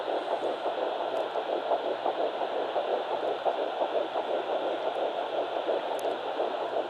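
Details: Home fetal Doppler at 9 weeks 6 days, Baby A, found on the left side after days of searching. Rapid whooshing pulse through steady static, around 170 beats a minute: early fetal heartbeat.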